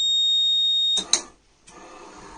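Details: A steady high-pitched electronic alarm tone from a ventilator sounds, then cuts off with a click, leaving quiet room noise: ventilator alarm.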